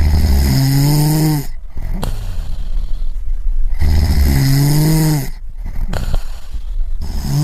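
Two loud, deep, rattling snores on the in-breath, each followed by a quieter breath out; regular heavy snoring from a sound-effect recording.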